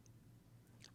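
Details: Woman with vocal fold paresis after 3 or 4 voice therapy sessions, reporting her voice back to normal; sustained vowel with restored voice after therapy for vocal fold paresis.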